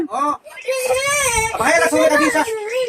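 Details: Young child (baby) crying with drawn-out, high-pitched wailing sobs and brief catches of breath, upset and sad at having missed church that day.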